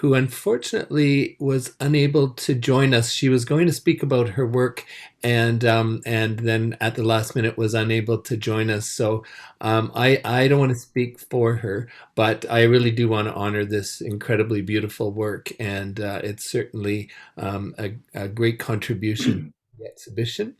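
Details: Adult man speaking; ordinary speech.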